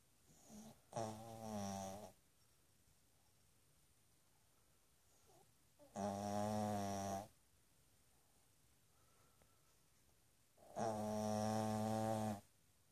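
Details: Snoring: a sleeping pug after playing with a dachshund, with loud, droning, buzzy snores four to five seconds apart, about 13 a minute, quiet between.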